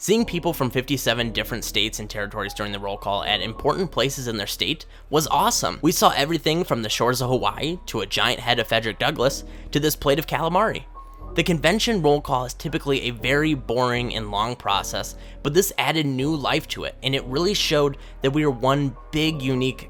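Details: Adult speaker; normal speech.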